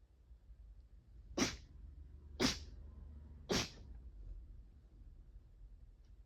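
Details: Three quick, sharp, hissing sneezes about a second apart, over faint background noise.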